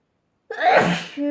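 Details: After a moment of silence, a single sharp explosive sneeze ending in a brief voiced tail, from a sneezing compilation.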